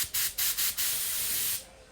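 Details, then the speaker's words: Dental air test for diagnosing tooth pain: a dental air syringe is used on the tooth to check sensitivity, giving several short hissing bursts of air and then a longer blast. "Another test is the air test"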